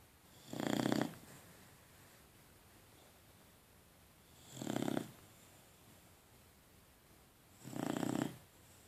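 Three loud, rough snoring breaths about three seconds apart, around 20 a minute, with quiet between; ordinary snoring in a sleeping dog.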